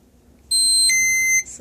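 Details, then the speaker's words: Steady high-pitched electronic alarm tones lasting about a second from an Infinity enteral feeding pump no-flow-out alarm, triggered by blocking the outlet tube during a maintenance test; a higher rate triggers it faster. "So now we will get the no flow out alarm, which means there is no flow between the pump and the patient."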